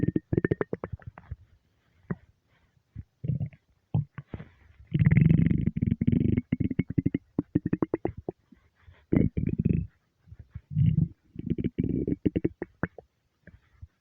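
Low gurgling, bubbling rumbles from the belly in irregular bursts with short pauses: stomach rumbling from hunger, a normal gut sound.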